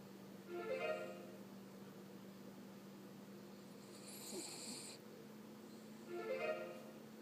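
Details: Two soft, whistling, tonal snores about six seconds apart, about ten breaths a minute, from a dog snoring in sleep over a quiet background.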